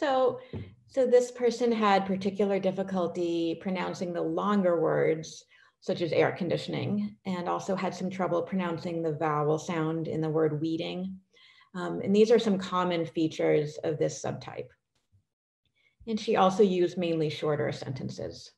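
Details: Adult woman speaking; normal speech.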